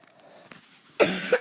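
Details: Single short, harsh cough burst after quiet room noise, from a person who says they are sick, recorded while playing a game.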